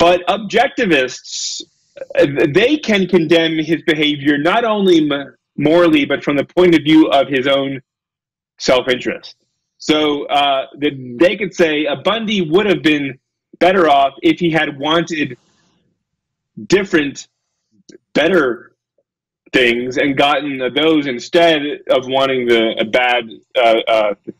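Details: Adult male lecturer who says he has a speech impediment, stutters and gets stuck on his words, giving a talk; stuttering.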